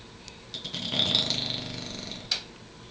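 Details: Derby, an animal, snoring during sleep: one short, buzzy, fluttering breath with quiet room noise; often much louder than this.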